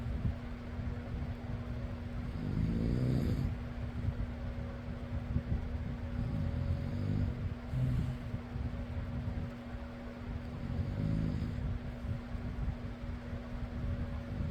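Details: Soft, low snores recurring every few seconds during sleep, partly masked by a steady fan hum: snoring.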